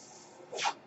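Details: Breath sound of the podcaster's own mechanical ventilator, which he points out while speaking: a faint steady hiss, then a brief airy whoosh with a slight tonal edge.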